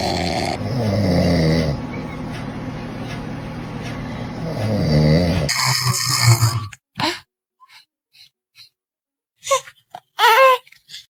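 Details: Loud, rough snoring over two long breaths, then quiet broken by a baby's brief fussing sounds; the baby is said to be afraid of the snoring.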